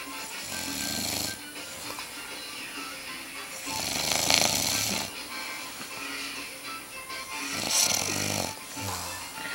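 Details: Dad asleep: loud, rasping snores recurring every few seconds, with music playing in the background; snoring.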